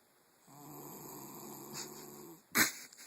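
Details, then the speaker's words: Snoring from a sleeping son, who claims he doesn't snore. "Daddy what is that I hear I think that's snoring I'm not quite sure I don't know where it's coming from who is snoring H I believe that may be my son"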